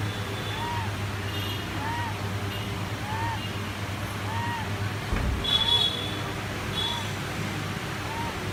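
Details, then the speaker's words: Patient with vocal cord dysfunction and asthma, spirometry showing mild obstruction with bronchodilator response, normal CT, oxygen saturation 99%: repeated short, high-pitched musical wheezes with each breath, about 50 a minute. "i think if you are able to hear the wheezing sound that's what he was being complaining he was having so much of beezing like this"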